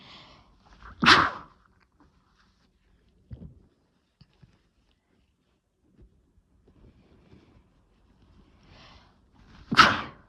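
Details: Two forceful sneezes about nine seconds apart, each with a brief indrawn breath before the burst, with quiet room noise between.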